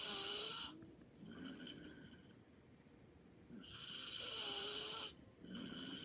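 Soft, whistly nasal snoring with each breath, two breath cycles, quiet and light, in a still room.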